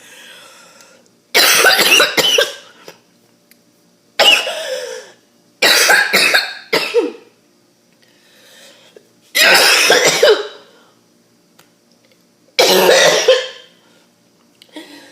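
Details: Five harsh, forceful coughing bouts with a rough, choking quality, separated by quiet pauses; harsh choking cough.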